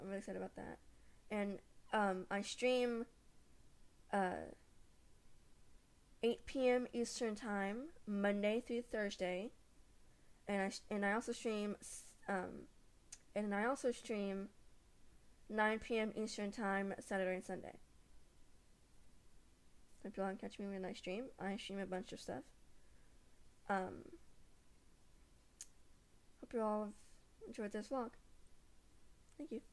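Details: Stuttering in a female vlogger who has stuttered since age 3 (about 15 years), with repetitions and mainly blocks, felt in the throat; she uses word substitution learned from speech therapists.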